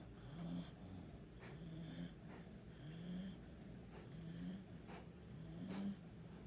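Low, rumbling snorts with each breath, fairly quick and somewhat uneven, over steady room noise; a dog snoring.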